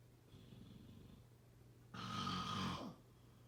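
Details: A sleeper gives a soft rattling breath, then a louder, harsh fluttering snore with a rising whistle-like tone on the inhaled breath: snoring.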